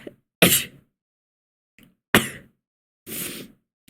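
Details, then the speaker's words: Person with allergies who has taken allergy medicine but keeps sneezing: three sharp sneezes in quick succession, the last softer and more breathy; repeated allergic sneezing. "[ __ ] Oh [ __ ] there's a club, which is so not fun because I'm just sneezing loads. And yes, I've took allergy medicine and things that could help me not sneeze and yada yada, but [ __ ]"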